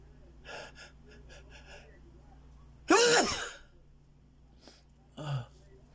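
Short catching breaths build to a loud, explosive sneeze, then a smaller second burst.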